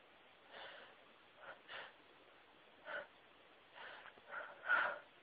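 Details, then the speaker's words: A string of soft, muffled sneezes and quick breaths, several stifled, from a person sneezing repeatedly, followed by speech. "Oh, I need to sneeze. Chew. Excuse me."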